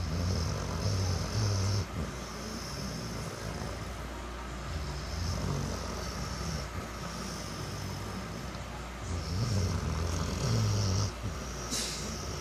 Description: I didn't know dogs could snore so loud